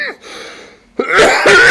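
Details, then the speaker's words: Two short, harsh cough bursts close together from an adult man speaking, a residual cough he attributes to being ill for two weeks. "Извините две недели проболел сейчас остаточный каши"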